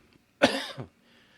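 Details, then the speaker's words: A single sharp cough from an adult who has had a cold for several days: an explosive burst with a brief voiced tail, in a quiet room. "apologies folks I've had a cold the last few days and it's kind of hanging on so you might hear it a bit of my voice and you'll hear some coughs every now and then so apologies ahead of time"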